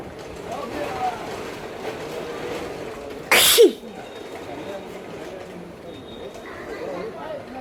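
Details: Woman sneezing during a nose-blowing sneezing challenge done with paper, her eyes tearing and one nostril running more: one sharp, explosive sneeze through low background noise and murmuring.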